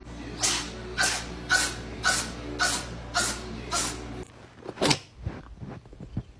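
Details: A run of six quick, sharp sneezes about half a second apart, then one more sneeze and soft snuffling, from a cat; sneezing.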